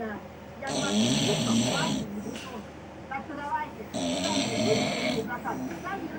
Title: Нереальный храп